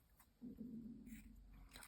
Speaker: Oh, my tummy tumbling. Did you hear that there? That was loud. Oh my goodness. Need to have a we bit lunch.